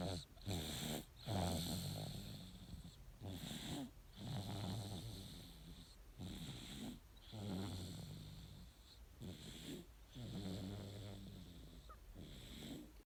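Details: 9-month-old baby boy snoring while sleeping: steady, soft rattling snores at about 20 breaths a minute, with room hiss in the background.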